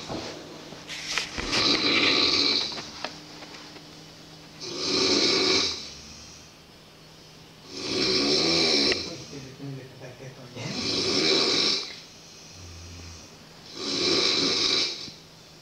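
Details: Loud, harsh snores about every three seconds, roughly 19 a minute, with quiet gaps between; heavy snoring during sleep at a boarding school.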